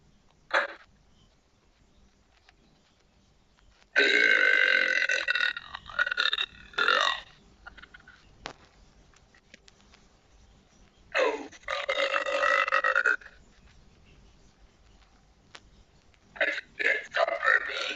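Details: Several long, loud belches separated by quiet pauses, made deliberately by a self-described burpette; voluntary burping.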